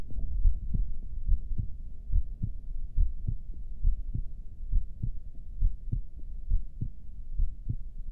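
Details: Normal heart sounds recorded during a breath hold, with a heart rate display: steady, regular low heartbeats at about 68 a minute with a faint background hum.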